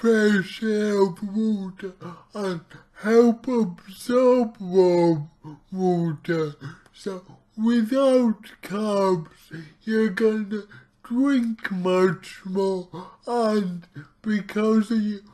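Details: Male speaker with his own cerebral palsy, real not acted, trying a keto diet; dysarthric speech (cerebral palsy).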